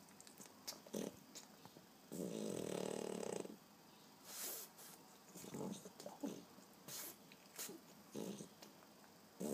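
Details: Very loud snoring.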